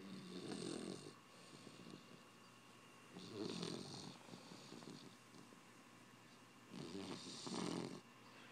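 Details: Bully-breed puppy asleep, snoring softly with a rattling sound on each breath, about three breaths in eight seconds, in a quiet room.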